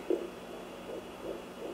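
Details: Fetal heartbeat at 11 weeks 4 days of pregnancy, found with a home Doppler and gel on the belly, reading 174 bpm: faint rapid whooshing pulses over Doppler static.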